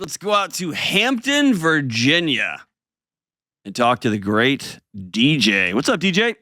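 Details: Adult male speaker; normal voice.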